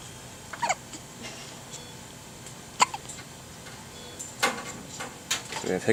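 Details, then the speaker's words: Two small animals hiccuping at the same time, like a squeaky toy: several brief, sharp, squeaky bursts at irregular intervals over quiet background. "all right we have the pilings doing dueling hiccups here alex there we go and colin sounds like a dog with a squeaky toy"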